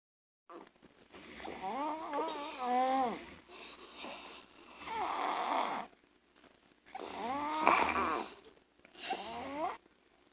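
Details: Sleeping 21-month-old girl, born premature, recently hospitalized with left-lung pneumonia and viruses, snores loudly and harshly with whistling tones; severe sleep apnea and enlarged tonsils.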